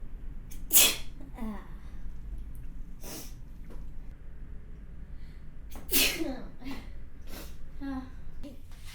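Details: Two sharp explosive sneezes, each with a quick inhaled build-up, plus soft breaths between; house dust possibly mentioned as the trigger.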